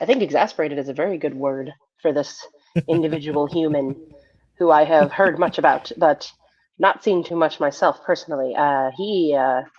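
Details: Adult speaker; Ordinary speech.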